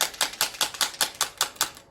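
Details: Sharp, regular clacking pulses at about five per second from the handpiece of a MINIWAVE PRO radial shockwave therapy device firing during a demonstration.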